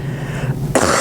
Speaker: no please remember to cover your mouth whenever you cough